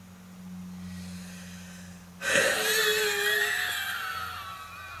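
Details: Smoker lying down: after quiet room hum, one sudden harsh cough gives way to a long, whistling, wheezy breath out; heavy coughing with wheeze.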